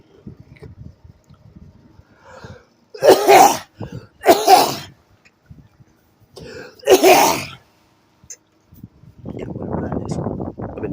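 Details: Three forceful cough bursts with quiet breathing between and rustling at the end, from a person trying to catch their breath.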